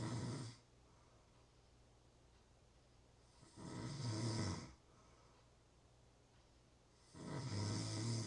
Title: Natural Snoring Sounds- Real Snoring, Ambient Sounds.